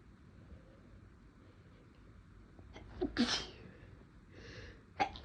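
Two sharp sneezes in a quiet room: a loud one and a brief, partly stifled one. Ordinary sneezing.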